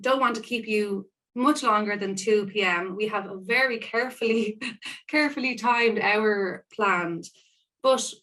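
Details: Woman who describes herself as a person who stammers; part-word and whole-word repetitions heard; stammering (stuttering).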